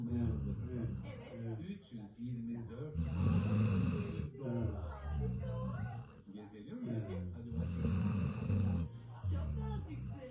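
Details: Sleeping Golden Retriever dog snoring: two long, rough rattling breaths a few seconds apart over quieter breathing.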